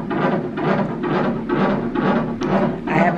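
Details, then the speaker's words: Rhythmic whooshing pulses, steady and regular at about 130 a minute, from a fetal monitor at 41 weeks pregnant, with no contractions during monitoring: a fetal heartbeat on Doppler monitor at a normal rate. "so they finished monitoring the baby's heartbeat and my nan contractions I'm not having any"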